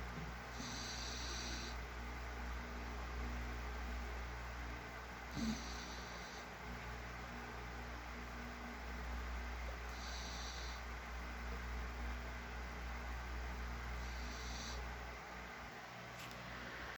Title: Snoring dog.